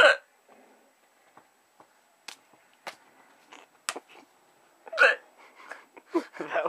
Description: making fun of my girlfriend for hiccuping.